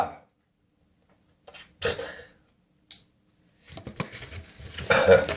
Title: Early Morning Coughing, Spitting and Nose Blowing.